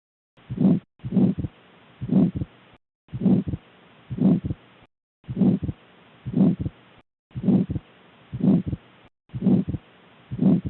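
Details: Regular heartbeat near 60 a minute with a harsh noise filling each beat, a pulmonary stenosis murmur heard on stethoscope auscultation.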